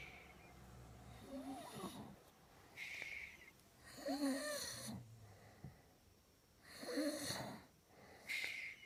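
Loud, rattling snores with whistling, snorting breaths, irregular at about 22 a minute; noisy snoring.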